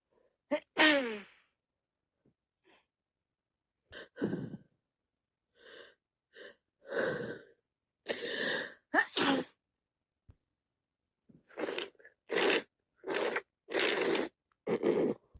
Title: Wet cold sneezing and sniffles more sneezing after 3 mins